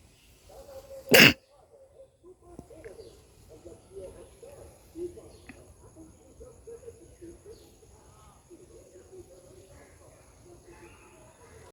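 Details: One loud, explosive sneeze, followed by quiet talking and room noise; sneezing.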